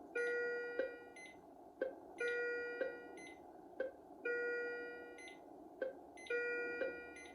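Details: Philips IntelliVue MP30 patient monitor alarm, ISO and traditional, during ZOLL E Series defibrillator sync and charge on an ECG-simulator rhythm: tonal beep bursts with sharp clicks, repeating about every two seconds.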